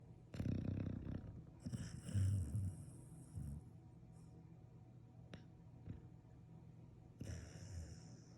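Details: Sleeping pet snoring: low, rough, rumbling snore bursts with pauses between them, over faint room noise.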